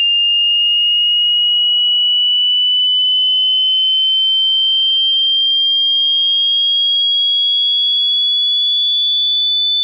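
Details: Hearing test played through headphones: a pure steady tone gliding slowly upward in pitch, a sweep testing hearing range.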